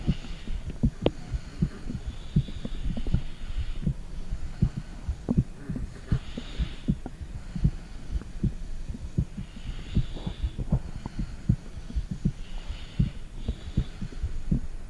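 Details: Mother's heartbeat recorded with a phone microphone on her stomach: muffled, fairly regular low thumps at about 80 a minute under a faint hum and occasional gurgling noises.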